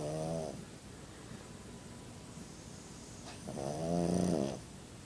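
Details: Pug having a snooze: two rough, vibrating inhaled snores over room noise; snoring.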